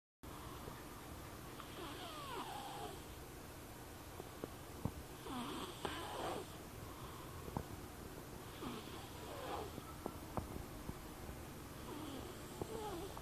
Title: lakas ng snore!!